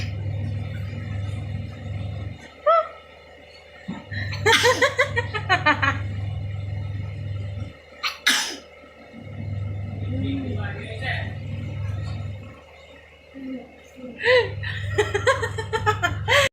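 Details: Baby sneezing while playing with wheat flour: several short, sharp sneeze bursts, with adult talk and a low hum in the background.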